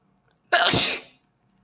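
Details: Asian boy sneezing close to the microphone: one forceful sneeze, a sudden explosive hiss that fades quickly into silence.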